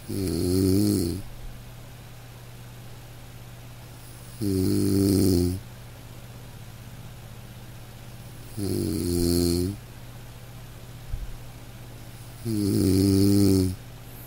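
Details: A man snoring in deep sleep: loud, rattling snores on each breath in, about 14 a minute, with quiet pauses between them; snoring.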